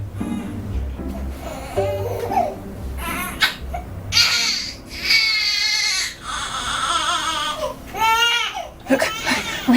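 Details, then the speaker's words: Loud, high-pitched wailing infant distress cry over background music, played to a single man to test whether it triggers a protective instinct. "Now the sound of a baby in distress is played to the single man."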